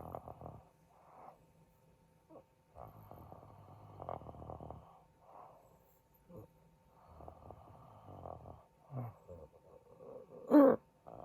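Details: Adult man (husband) snoring in sleep and said to stop breathing: rough, fluttering breathing noises in bursts with short gaps and a louder snort near the end; heavy snoring, sleep apnea tagged.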